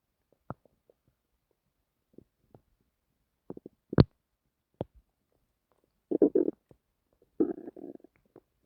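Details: Stomach noises recorded while trying to sleep: scattered gurgles, squeaks and short rumbling bursts against near silence, typical of ordinary digestion; bowel sounds (borborygmi).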